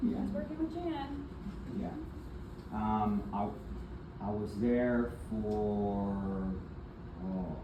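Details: Adult man with aphasia and apraxia of speech after a stroke in February 2024, with several further strokes. He was initially nonverbal, with right arm and leg impairment, and is still in speech therapy. Finding: aphasia with apraxia of speech.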